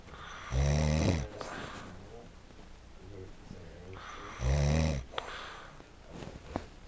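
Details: Deep rumbling snores, two breaths about four seconds apart with soft breathing between; snoring.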